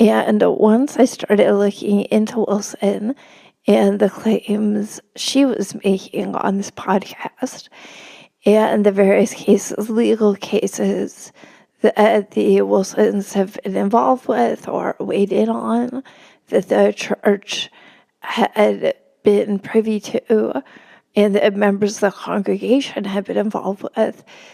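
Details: Adult woman with spasmodic dysphonia, speaking as a podcast guest: spasmodic dysphonia.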